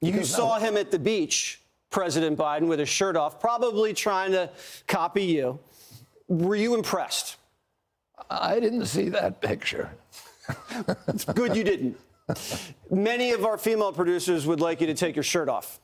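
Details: Adult men in conversation; conversational speech.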